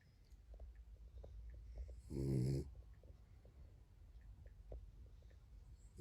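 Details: Dog sleeping on owner's lap: one low, rattling snore on an in-breath amid quiet breathing; snoring.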